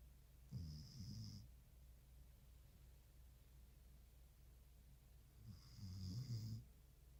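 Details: Snoring while asleep: two low, fluttering snores about five seconds apart, each with a faint whistle, over quiet room noise.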